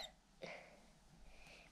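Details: A child's hiccups: a single short, sharp hiccup with a fainter second one near the end, over quiet room noise.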